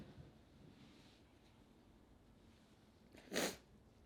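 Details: A single sneeze from a model recorded in a quiet room: a brief intake of breath followed by one sharp, explosive burst of air.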